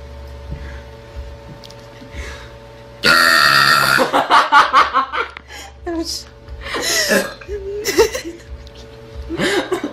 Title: Russian Girl Burps Like A Monster